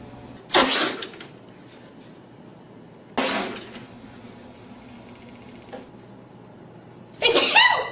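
Three loud, hissing sneeze bursts several seconds apart over faint room noise.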